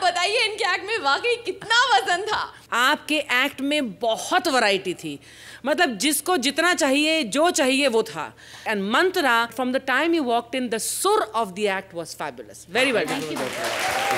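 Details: Adult woman speaking; normal speech.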